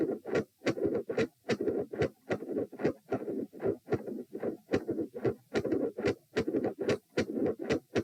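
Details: Heart sounds recorded lying down at position p during attempted Valsalva manoeuvre: loud, bouncy midsystolic murmur, with varying patterns of 3 or 4 sounds per cycle.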